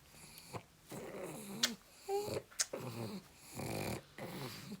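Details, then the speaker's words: Female dog newly adopted breathes noisily with repeated snorting, snoring-like rumbles and brief sharp sniffs; snoring. "I have got somebody I want to show you. This is the culprit of the snoring."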